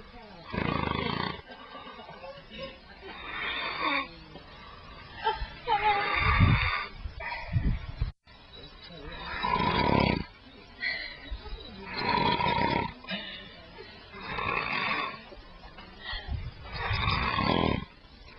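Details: Man, who denies snoring, filmed while asleep: loud, rough, rattling snores at about 20 per minute with quieter snorting breaths in between.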